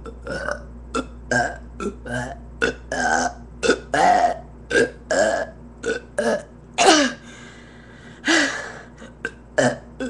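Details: A rapid series of about twenty loud, croaky burps in ten seconds, mostly short, some slightly longer and drawn out; repeated burping.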